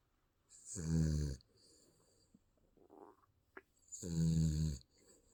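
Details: Baby snoring in sleep: two loud, rattling snores on breathing in, separated by quiet breathing.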